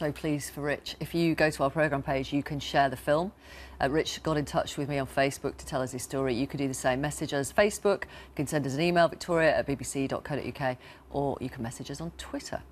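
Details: Adult presenter speaking; Normal fluent speech.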